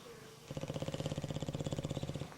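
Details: Bulldogs snoring: rapid, rhythmic, low rattling flutter lasting about two seconds, a vibrating snore from a flat-faced dog, while Delilah checks them out.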